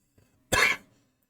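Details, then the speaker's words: Adult speaker recording in one take while still having a cold and cough: a single short, harsh throat clear of about a third of a second, in a quiet room; throat clearing. "Apologies. I tried to do this in one take, so when you've still got a cold."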